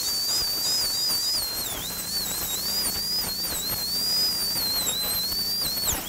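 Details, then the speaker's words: High-speed dental handpiece with a changed bur smoothing the alveolus after surgical extraction of a maxillary canine, before flap closure. Continuous high-pitched whine wavering in pitch as the bur touches bone. "so now we're not trying to take away any more bone we're just trying to smooth the alveolus"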